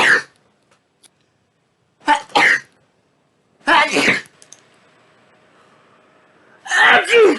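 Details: Person in a bout of 50+ sneezes in a row: four loud, sharp bursts of air, one a quick double, with quiet gaps between; repeated sneezing.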